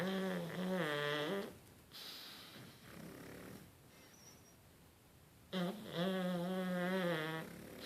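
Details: Pug puppies snoring in sync while asleep: loud, drawn-out buzzing snores with a snorting whistle on the in-breaths, separated by a noisy pause; snoring.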